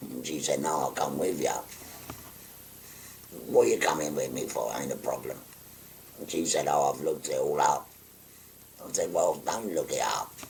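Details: 57-year-old man after total laryngectomy for stage four laryngeal cancer, speaking through a voice prosthesis by pressing a button to occlude the neck stoma; tracheoesophageal speech after total laryngectomy.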